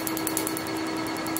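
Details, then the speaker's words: PicoSure picosecond laser tattoo removal on a multicolour tattoo: rapid, regular snapping pulses about ten a second over a steady tone and hum. Pigment is broken up with visible frosting; the patient says it hurts less than a conventional laser. "targeting that color pigment and breaking it up so we see like a nice frost on it already"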